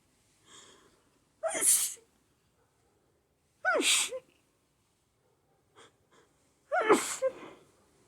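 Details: Three forceful sneezes, each after a quick indrawn breath, come in a short run about two to three seconds apart, part of a sneezing fit with nose blowing; sneezing.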